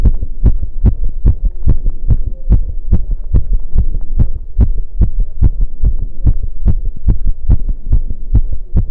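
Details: Heartbeat recorded after running: fast, strong, regular beats at about 140 a minute with low hum behind; normal heart sounds after exercise.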